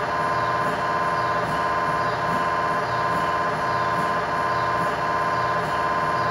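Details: MRI tibia/fibula (lower leg) test scan in a controlled environment, using a GE high-definition lower-extremity coil (stated as 8- or 16-channel): loud steady buzzing tone with rhythmic pulsing about 86 times a minute; scanner acoustic noise.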